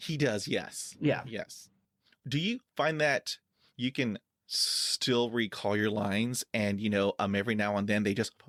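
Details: Stuttering since childhood in an adult man with blocks, who uses filler words to bridge them.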